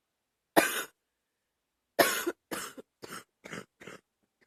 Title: # 30 Chesty and wet cough